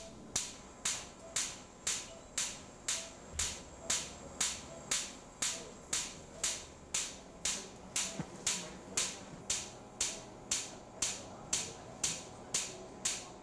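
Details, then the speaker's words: Sharp, regular popping at about 120 shock waves a minute over a low hum: extracorporeal shock wave lithotripsy breaking an upper urinary tract kidney stone in a patient under spinal anesthesia. "we will then begin creating the shock waves uh these will be generated at about 120 a minute and that's the popping that you can hear right now"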